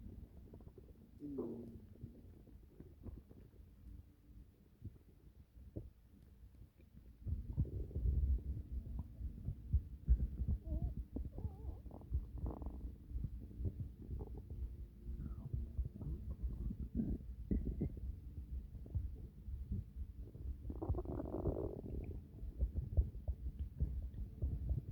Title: My stomach growling